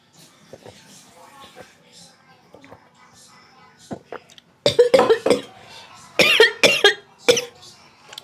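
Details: Soft talk and room noise, then a run of about six forceful coughs from an adult eating very spicy stir-fried beef tripe and offal with rice; coughing after choking on food.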